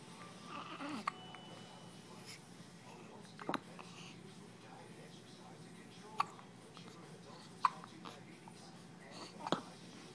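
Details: Hiccups in the morning: soft, sharp catches recurring every couple of seconds, about five in ten seconds, in a quiet room.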